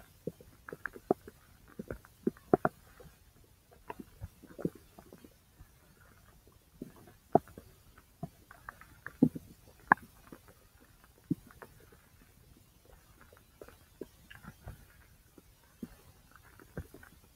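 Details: Ordinary bowel sounds (borborygmi) recorded from the large intestine: scattered soft gurgles, pops and clicks over a quiet background.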